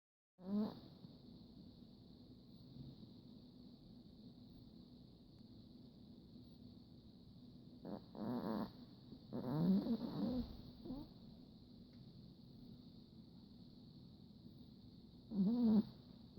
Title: My Chihuahua snoring